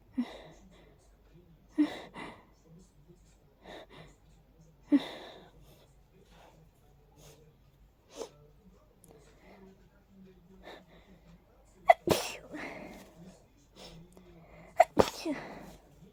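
A run of several sneezes with sniffing and short breaths between them, a hay fever sneezing fit.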